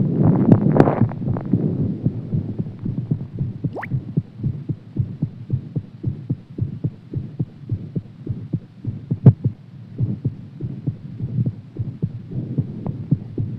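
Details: Heartbeat after exercise: fast, dull thumping, roughly 110 to 115 beats a minute, over a low hum.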